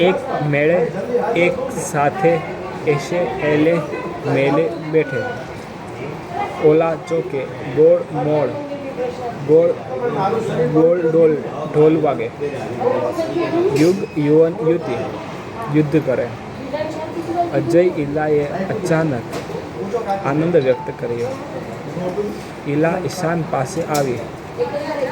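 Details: Adult man who stammers reading a Hindi paragraph aloud during daily practice; he says he stammered on words such as 'pistaul' and 'sandook'; stammering.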